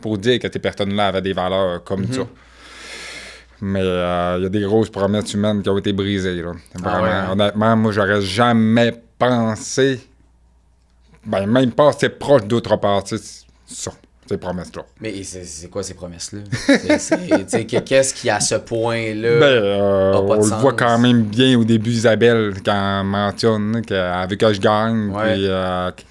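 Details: Deaf speech in a man with profound congenital deafness who wears hearing aids that only signal a sound is present, relies entirely on lip-reading, and grew up among hearing people.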